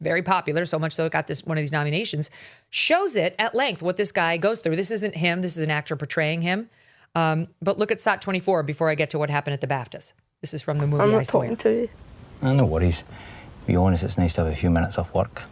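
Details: Adult commentator speaking, followed by a brief film excerpt with another voice; ordinary speech.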